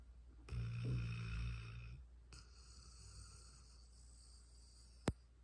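A low, buzzing snore lasting over a second, then a softer breath and a single sharp click. Snoring in a sleeping dog.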